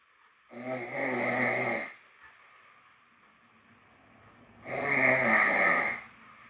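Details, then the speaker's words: Person with a cold snoring loudly at 2:48 a.m.: two loud, buzzing, vibrating snores about four seconds apart on breathing in, with quiet between them. "2h48. Oui, 2h48 quand je ronfle. Je ronfle fort."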